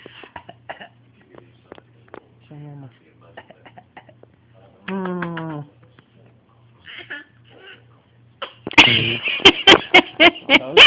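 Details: Deliberately faked coughing: a loud burst followed by about five short forced coughs after quiet vocal sounds; voluntary cough.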